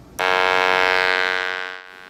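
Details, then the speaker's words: Electrolarynx buzz, a steady harsh mechanical tone under two seconds; the device is being trialled to let a ventilated ICU patient speak, its vibration passing through soft tissue so articulation produces voice. "The device uses vibration and it vibrates through soft tissue and if an individual articulates that generates a sound that we can interpret as voice."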